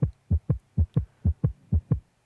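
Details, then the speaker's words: Crisp regular paired heart sounds at about 125–130 a minute, auscultated at several points on a virtual patient simulator (surgical clinical case): sinus rhythm, tachycardia. "А у скульптація серця з декількох точок ритм синусовий тахікардія"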